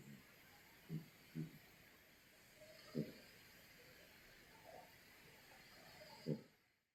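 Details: Snoring from a cat sleeping on its owner's bed, with background music.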